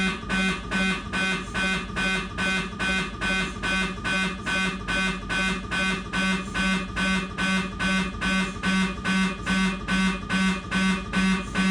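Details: Siemens MAGNETOM Lumina 3 T MRI scanner running an abdominal imaging sequence: loud, very regular buzzing pulses, about 143 a minute.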